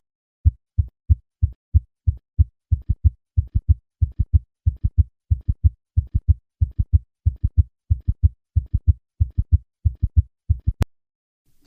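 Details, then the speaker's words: Summation gallop: three normal two-part beats, then a three-part rhythm with a single loud, low diastolic sound from superimposed S3 and S4. Usually best heard at the cardiac apex in left lateral position. "Listen to a patient with a summation gallop. I will start with three normal beats and then add the summation gallop."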